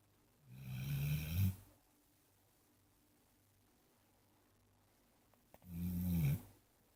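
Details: Little pit bull snoring: two loud, low rattling snores about five seconds apart in a quiet room; ordinary snoring.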